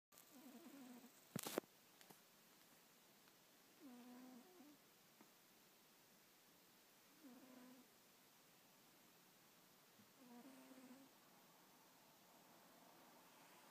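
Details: Sleeping cat snoring: soft, buzzing, slightly whistly sounds on each breath, about 18 breaths a minute.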